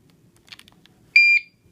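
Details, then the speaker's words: Faint handling clicks, then one steady high-pitched quarter-second beep from an epidural infusion pump left idle while a new epidural line is primed before connection to a patient: infusion pump alarm. "just like that alright because I've been sitting here for a while um it's mad at me beeping"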